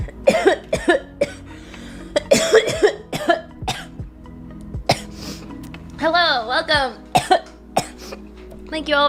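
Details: Girl coughing, probably after smoking a bong; she says it is her first bong rip of the night.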